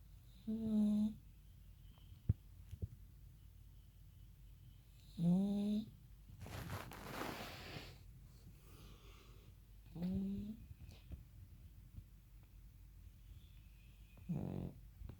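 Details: Pug snoring: short, rattling snores about every five seconds with softer snuffling breaths between; typical flat-faced dog snoring.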